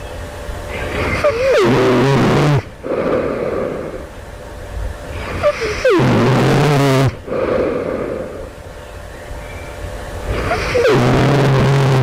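Loud, harsh rattling snores with some gurgling and pitch sweeps, about 13 breaths a minute, separated by quieter breathing.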